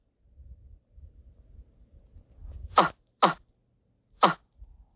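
Three sharp sneeze-like bursts after a soft breathy build-up, from a cartoon; sneezing.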